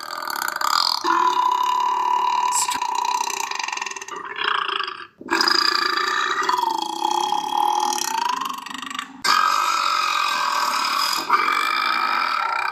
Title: Burping sounds